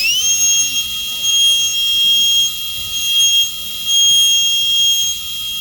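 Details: Continuous high-pitched whine, rising and falling in loudness as the 330 bur cuts, from a high-speed handpiece preparing a Class II MO amalgam cavity on a mandibular second premolar.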